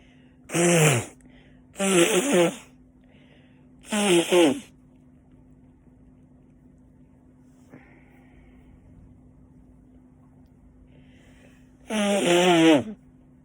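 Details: Repeated sneezing, attributed to wind kicking up dust, in winter: three sneezes in quick succession, a long pause, then a fourth, each a sharp voiced burst over quiet room hum.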